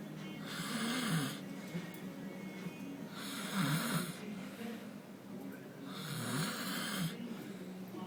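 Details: Adult man filmed snoring on election day, billed as a dinosaur snore; snoring.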